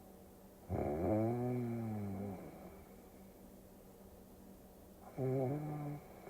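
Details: Two buzzing, tonal snores about four seconds apart, rising and falling in pitch, over a steady low hum, played as a relaxing sleep-aid recording; snoring.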